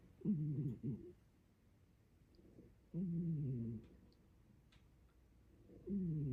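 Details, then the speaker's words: Loud, low, rumbling snores from a sleeping cat, about three in six seconds (roughly 20 breaths a minute), with quiet pauses between, over music: snoring. "I'm sorry he snores so loud [Music] it's kind of cute don't you think it's cute [Music]"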